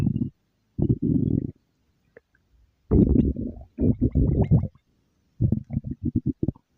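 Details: Loud, low gurgling rumbles in bursts, then a run of short bubbling pops; ordinary stomach growling (borborygmi).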